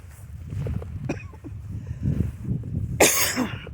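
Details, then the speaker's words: A single sharp, harsh, dry cough from an adult walking outdoors, with low wind and footstep noise; the person is unsure of the cause and suspects something in the air. "sorry guys, I'm coughing now. I don't know why. Something to do with the air I suppose."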